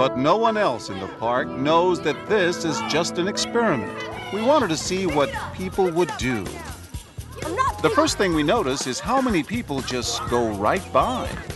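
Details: Adult male narrator; ordinary speech.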